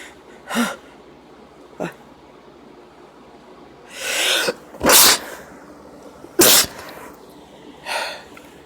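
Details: Female sneeze deliberately induced: several sneezes, some with a drawn-in breath before the burst, separated by quiet pauses.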